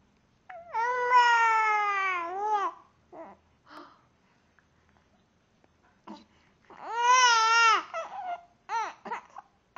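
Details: A young child, described as very angry, cries with two long, loud, high-pitched wails separated by brief, sharp catching hiccup sounds in a small room.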